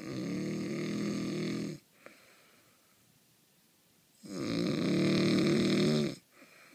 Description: Snoring like you have never seen before. I can't believe someone could snore like that.